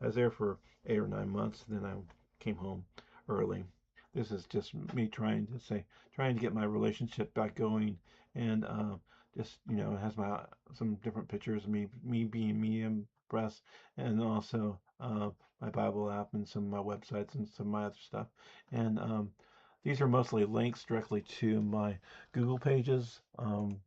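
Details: Speech impediment, self-reported and audible, in an adult man.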